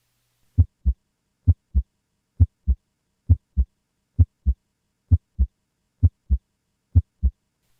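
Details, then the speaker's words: Teaching recording of normal heart sounds: steady lub-dub at about 66 beats a minute, crisp S1 (mitral and tricuspid closure) and S2 (aortic and pulmonic closure), nothing between; both high-pitched, best heard with the diaphragm. "S2 is caused by and occurs essentially simultaneous to the closing of the aortic and pulmonic valves at the transition from syy back to diast together S1 and S2 form the L dub of the heartbeat"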